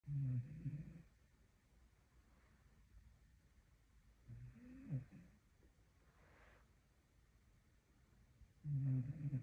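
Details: Staffordshire Bull Terrier snoring in sleep, chainsaw-like: low, growling, rattling snores on inhalation a few seconds apart, with quiet breathing between.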